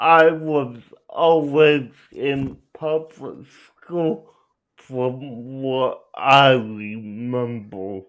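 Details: Adult male with cerebral palsy; dysarthric speech inferred, not explicitly diagnosed.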